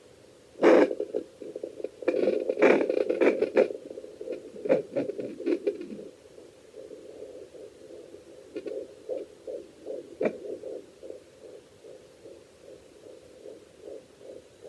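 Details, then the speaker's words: Fetal heartbeat heard on a home fetal Doppler used by the pregnant mother on herself with hand sanitizer instead of gel: scraping probe noise, then a rapid, rhythmic whooshing fetal pulse. "and they go basically just heard her heartbeat so I just used a lot of tissue everywhere Dave just to wipe it all off especially all the gel but yeah you basically heard her um heartbeat just take a while just to figure out if it's her heartbeat or it's yours"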